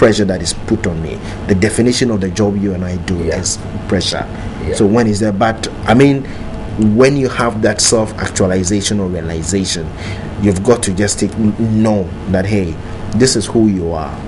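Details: Adult man who stammers, president of a national stammerers association, says stammering no longer holds him back: stuttering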